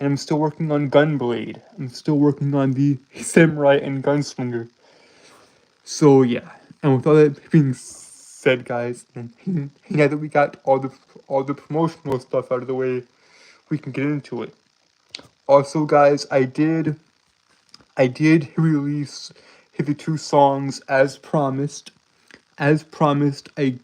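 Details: Stuttering in an adult male streamer who self-reports a speech impediment that makes him stutter and trip over his words.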